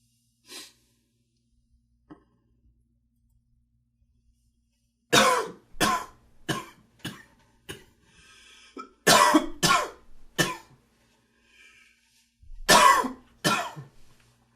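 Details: An adult gives about ten short, harsh coughs in three clustered bouts during a typical morning with allergies: allergic cough.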